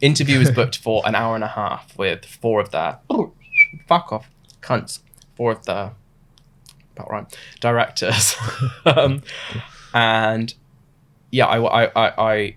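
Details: Adult man diagnosed with Tourette syndrome at about 26, with vocal tics starting about two months after onset; involuntary swearing interjections during speech; vocal tics (Tourette syndrome).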